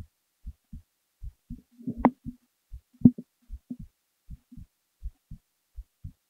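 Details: Resting heartbeat recorded while the person was falling asleep: steady soft thumps around 60 beats a minute, with a couple of louder knocks from movement.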